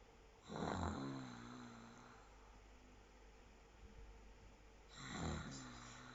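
Two rough, snorting snores about four seconds apart, roughly fifteen breaths a minute, with quiet breathing between.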